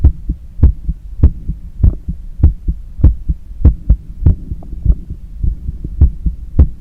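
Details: Visible neck veins and pulse during cool-down after a long run: loud, regular two-part heartbeat at about 100 beats a minute; normal heart sounds after exercise.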